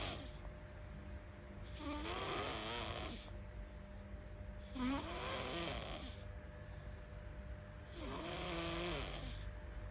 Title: Cute baby snoring😴 what a sweetdreams😂 like & share #laugh #childrensministry #cute